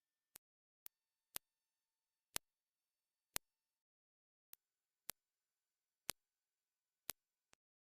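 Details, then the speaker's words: High-frequency hearing test tones from 8,000 to 19,000 Hz: brief sharp pips of rising pitch, about one per second, with silence between. Younger ears hear the higher frequencies. "I'll play some sounds ranging from 8,000 htz all the way up to 19,000 HZ if you're wondering what on Earth is a Hertz it's just the frequency of the sound younger ears tend to hear higher frequencies"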